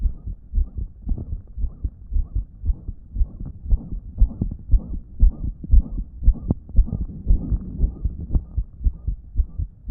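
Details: Fast, regular heartbeat near 118 a minute with loud whooshing, blowing sound between beats, recorded on a phone from a person with a damaged heart that wasn't pumping effectively; loud blowing heart murmur.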